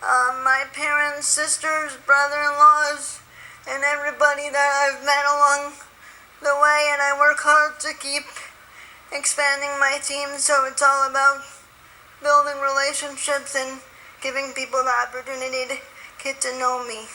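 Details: Spastic dysarthria in an adult woman with spastic quadriplegic cerebral palsy from birth, with very tight muscles throughout her body; she uses a wheelchair.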